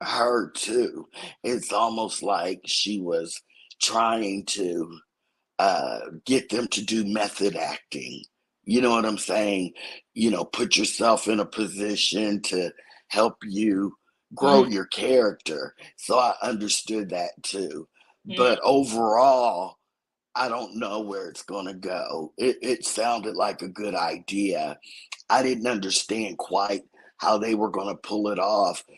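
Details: Adult woman whose vocal cord was accidentally touched during thyroid removal surgery, hoarse altered voice, expects recovery in a couple of months; dysphonia after vocal cord injury.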